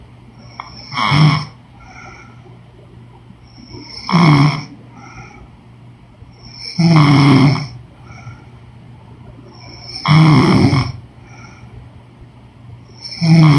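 Loud rattling snores on each breath in, about 19 breaths a minute, with quiet pauses between.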